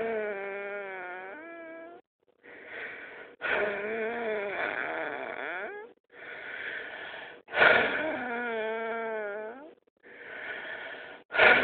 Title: Weird noise when i breathe deep